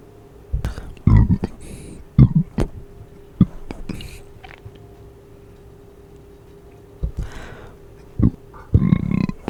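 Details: Closed-mouth burps from someone trying them for the first time: low, muffled belches with a few short hiccup-like clicks over a steady hum.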